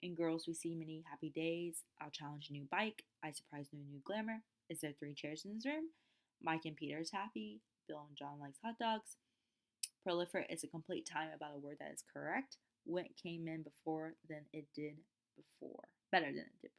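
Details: Wernicke's aphasia (fluent aphasia), imitated: a lecturer reads example sentences of the kind people with Wernicke's aphasia might produce, not a real patient.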